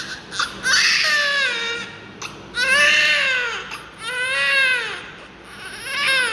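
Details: Repeated high-pitched crying bursts with rising and falling wails and short gasping pauses, from a chubby newborn with a breathing problem around suctioning; a loud, sustained newborn cry.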